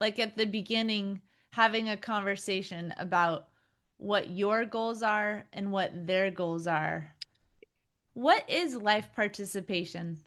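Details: Adult woman speaking; ordinary speech.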